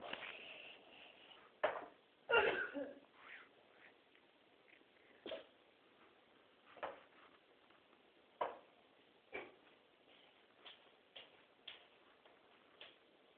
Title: Puppy Sneezing